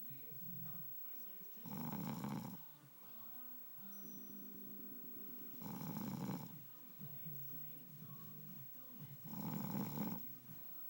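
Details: Adult husband snoring: loud, rough, rumbling or fluttering snores a few seconds apart at irregular intervals, with quieter tonal sounds or soft noisy breathing between them. Snoring.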